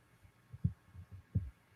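Soft, low lub-dub thumps in pairs, roughly 80 per minute, over quiet background hum; a heartbeat.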